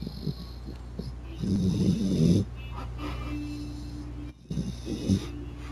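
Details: Sleeping dog made to snore by a finger resting on top of his nose: loud, rough, rattling snore bursts, irregular in rhythm, with steady room hum; snoring.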